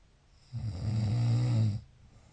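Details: Snoring: a single deep, low, droning snore lasting just over a second, over faint room noise.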